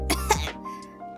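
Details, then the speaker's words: Adult tries a throat-clearing technique, said to be professional advice, of sounding like wheezing: two quick, rough throat-clearing bursts over steady background music. "oh they told me if i want to clear my throat it shouldn't be should be like i'm wheezing apparently that helps with clearing my throat"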